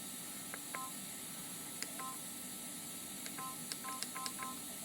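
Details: About ten short, crisp, irregular keypad beeps over room hiss as a Fresenius Kabi VP7s infusion pump's menu settings (time, volume, dose) are adjusted during a training demonstration.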